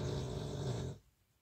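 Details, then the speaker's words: A single low, rumbling snore from a sleeping dog, fading into near silence; snoring. "Well, you'll hear a lot of snoring today"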